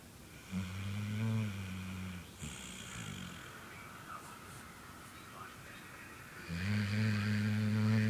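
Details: Long, low buzzing snores on the in-breath with quiet pauses between them, from a sleeping dog; snoring.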